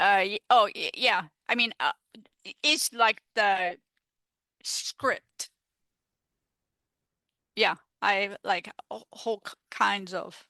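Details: Female stroke survivor with aphasia after stroke, speaking in an interview; aphasia.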